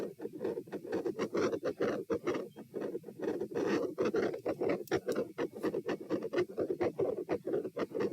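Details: Stress-test heart auscultation at position P: fast, steady, loud heartbeats about 126–138 bpm, later 96 bpm, across standing, knee bends, deep breaths, sitting and lying; deep breaths do not slow rate; scratchy stethoscope contact noise; tachycardia during exertion.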